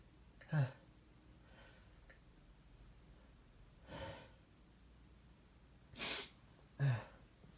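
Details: Soft sneezes in a quiet room, each with a short intake of breath before a brief burst: plain sneezing.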